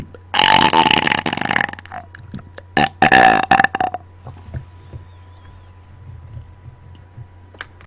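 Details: Two loud, long, rumbling belches from an adult after dinner, produced on command into a microphone, followed by a few faint short sounds and quiet room noise; belching (eructation).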